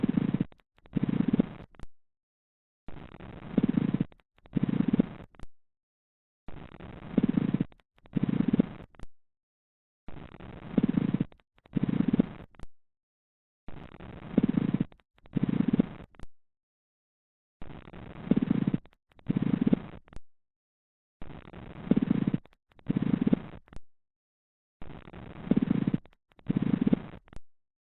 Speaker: Pleural friction rub. You are listening to Pleural Friction Rub.